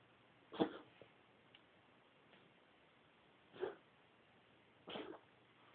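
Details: Ginger, likely a cat, gives three short, sharp coughs spaced a few seconds apart over quiet room noise.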